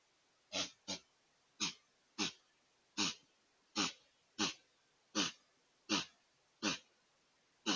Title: Whitetail With a Sneeze Attack